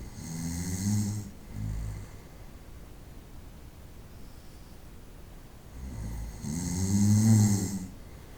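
Loud, low, rumbling snores on breathing in, each followed by a softer breath out, with long pauses between; snoring during sleep.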